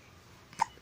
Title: Hiccups 😂